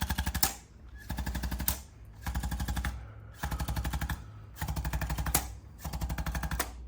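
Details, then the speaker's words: Chiropractic adjusting instrument (Arthrostim gun) on a new adult male patient with chronic thoracic stiffness, neck and back pain, flexing forward; bursts of rapid mechanical tapping, about a second each, separated by short pauses. "what we're going to do here with the Arthur stem gun is going to help even more"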